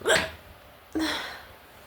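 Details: Adult woman in a bout of hiccups, which she thinks stress from driving in heavy rain may have triggered: two brief, abrupt voiced gulps about a second apart, each with a quick fading tail, in a quiet room.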